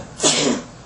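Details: Woman's single short, sharp sneeze with a quick breathy burst and a brief voiced tail, after saying she is about to sneeze.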